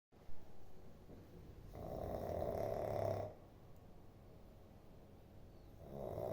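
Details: A single drawn-out, rattling snore on an in-breath, followed by quiet breathing in a still room; ordinary snoring.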